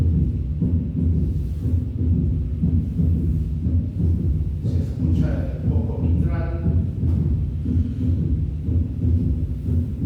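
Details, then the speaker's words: Regular low heart sounds near 60 a minute with a soft extra thud early in diastole after S2, linked to volume overload and rapid ventricular filling: third heart sound (S3 gallop). "poco cuando sobre carga de volumen también se puede escuchar este este sonido que es producido por el golpe de la sangre en forma rápida hacia las paredes ventriculares."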